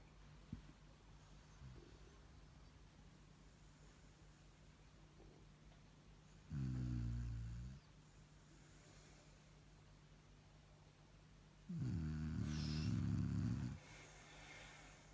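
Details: Shar pei dog snoring while asleep: two deep, vibrating snores, one short and one longer, in a quiet room.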